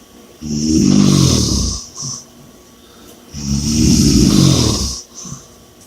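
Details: Two long, loud rattling snores on the in-breath, each followed by a short, quieter out-breath; heavy snoring.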